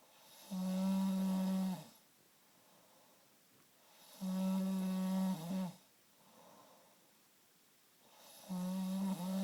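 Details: Adult man snoring every night in a dark bedroom: loud, buzzing, tonal snores on each breath in, about every four seconds, with quiet breathing out between; habitual snoring.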